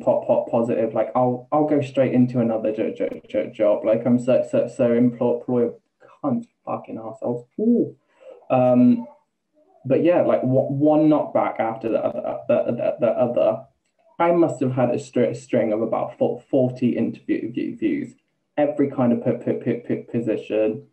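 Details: Man, 28, with Tourette's for just over two years, onset after health issues and a string of seizures; vocal tics with involuntary swearing (coprolalia) and repeated words, plus a new stammer where sometimes no sound comes out; vocal tics with stammering.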